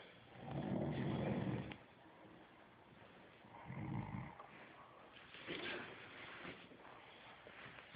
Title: Snoring Sweater Vest